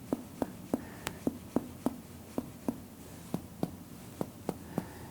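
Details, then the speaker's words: Simulated core physical exam: finger percussion over the abdomen, including the epigastrium, giving short hollow taps with a tympanic note over the stomach bubble and a slightly duller note nearby. "here we he the expected stomach bubble here it's a little more dull over here which could be simply"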